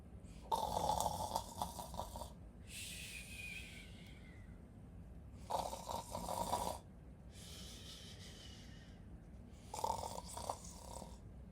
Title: loud snores 3